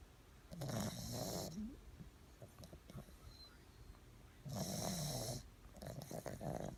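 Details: Two loud, rattling, fluttering snores about four seconds apart, with quieter breathing noise between them; ordinary snoring.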